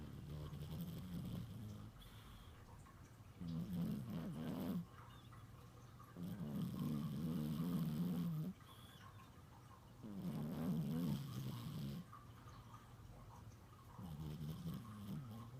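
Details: Low, rumbling snores repeating steadily with each breath in long rattling cycles; ordinary snoring.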